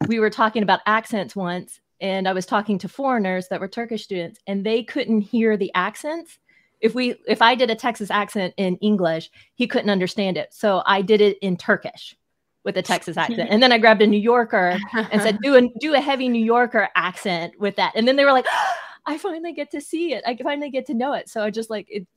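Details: Adult woman speaking; conversational speech.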